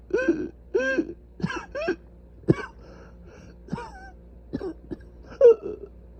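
A run of hoarse, voiced coughs and throat clearing, some with a strained, squeaky edge: coughing from severely inflamed airways.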